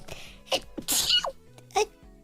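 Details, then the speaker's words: Person sneezing repeatedly during a livestream: a short run of sharp, explosive sneezes with quick breaths between them. ">> Thank you. Excuse me. >> [laughter] >> I keep sneezing."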